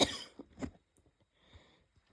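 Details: Two harsh, abrupt barking coughs followed by quiet breathing; a lingering cough after a cold, with the chest hurting badly.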